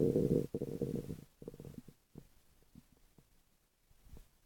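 Low gurgling rumble, loud at first, then fading into irregular soft bubbling pops; ordinary stomach growling, a normal sound of digestion.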